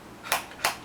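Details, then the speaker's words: Man with Tourette syndrome describing an itch-like sensation around his teeth relieved by ticking: two sharp mouth clicks in quick succession, a simple vocal tic. "that I can get rid of it is by ticking and that's really me scratching so when you see see me go or I say a word that's actually me scratching my itch"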